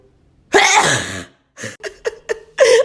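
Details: A woman deliberately making herself sneeze gives a forceful sneeze-like burst, then short breathy bursts and a second loud burst; she says she only got halfway. Self-induced sneeze attempt.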